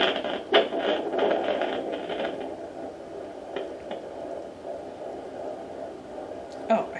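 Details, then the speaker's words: Fetal heartbeat heard with a home fetal Doppler at 14 weeks of pregnancy, aloe vera gel on the lower belly: rapid pulsing whoosh, much faster than the mother's own heartbeat. "so that's baby's heartbeat and you can tell um you can tell if you've gotten um baby's heartbeat versus yours cuz it's a lot faster"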